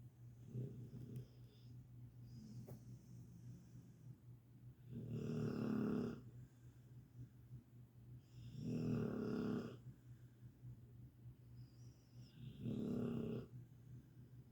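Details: Sleeping dog, possibly Catahoula or pit bull, snoring: loud, rough snores, three in about 14 seconds, roughly 13 breaths a minute, quieter breathing between.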